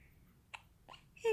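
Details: 5-day-old newborn baby boy with hiccups: two brief, soft catches of breath less than half a second apart, then a louder sound at the end.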